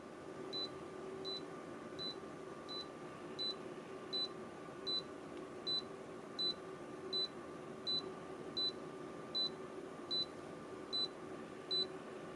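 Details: Wellue fingertip pulse oximeter with audible alert being tested on a finger: steady high beeps at about 80 a minute over faint room hum, one beep for each detected pulse while it reads.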